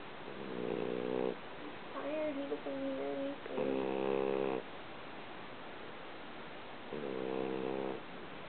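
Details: Soft, buzzy, tonal snores on the in-breath from a sleeping, lazy French Bulldog, with a few squeaky sounds in between; ordinary snoring.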